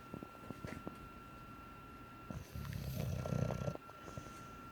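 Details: English bulldog snoring while asleep with his eyes open: low rumbling, fluttering snore with snuffly noisy breathing around it.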